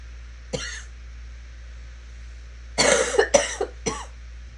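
A single cough, then a quick run of three to four harsh coughs over a low steady hum.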